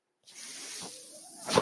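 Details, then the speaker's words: Mechanical ventilator sound: a steady airy hiss swelling into a louder rush at the end. A podcaster's own ventilator is heard delivering a breath during speech. "my name is that noise you're hearing my ventilator"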